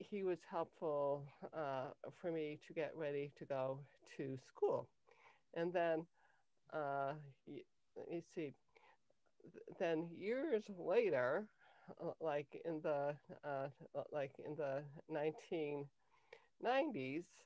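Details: Cluttering in an adult woman, onset at age 5.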